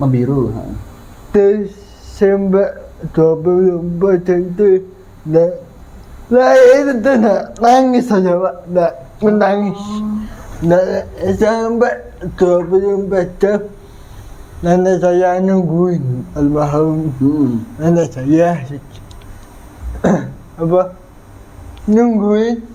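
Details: 22-year-old man with cerebral palsy (physical disability), linked to a difficult, delayed delivery at birth; dysarthria.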